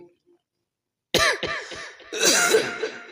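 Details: An adult preacher, pausing during a Bengali religious sermon, gives three short voiced throat-clearing coughs, then a longer rough vocal burst.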